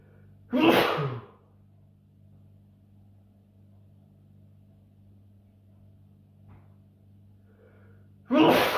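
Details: Two loud, forceful natural sneezes from a man, separated by several seconds of quiet over a low hum; he usually sneezes 3 to 5 times in a row.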